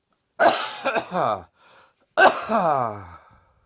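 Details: Two harsh, forceful coughing bouts with voiced, groaning tails from an adult whose cough a doctor attributed to a throat infection rather than a chest infection.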